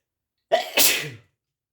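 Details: Single adult male sneeze: a brief voiced intake followed by a sharp, hissing explosive burst.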